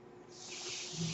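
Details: Mechanical ventilator breath heard behind a podcaster who notes the noise is his own ventilator: a soft airy hiss swelling steadily over about a second as the ventilator delivers a breath.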